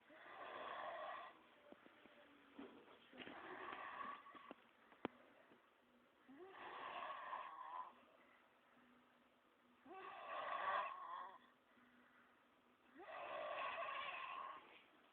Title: red head snoring big time